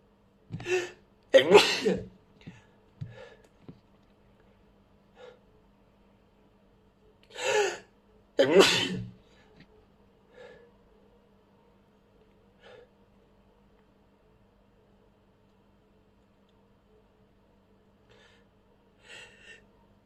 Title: sneezes 8-24-23